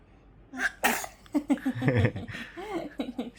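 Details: A 3-month-old baby, 113 days old, gives a spitty sneeze.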